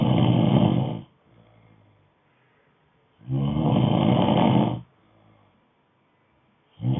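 Loud rattling snores on each breath in, roughly every three seconds, with quiet breaths out between.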